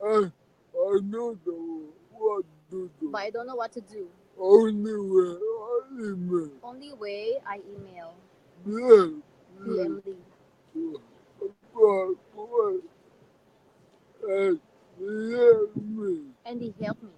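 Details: Adult man with severe cerebral palsy; dysarthria due to cerebral palsy.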